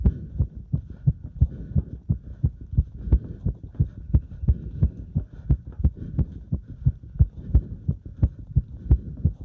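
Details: Heart sounds during step-up exercise: fast, regular, strong low heartbeats at roughly 170 to 180 sounds a minute; normal heart sounds with exertion.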